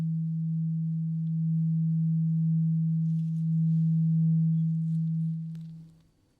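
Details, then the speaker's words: Roleplay ASMR ear exam for clogged-feeling ears, listener's eyes closed and told to say when the sound stops: a steady low pure tuning fork hum holding about six seconds, then fading; simulated hearing test. "We're gonna continue with the tuning fork that we used before. I need you to tell me when you hear the sound stop."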